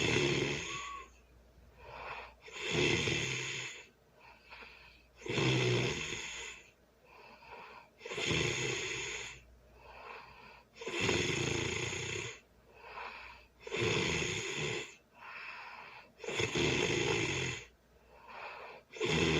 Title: #ASM #sleeping #snoring #loud early Sunday morning sleeping and snoring